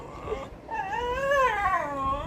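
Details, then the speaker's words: German Shepherd dog whimpering in distress, said to be frightened by the sound of firecrackers/bombs. "బాంబుల sound కి భయమేసేస్తుంది దానికి"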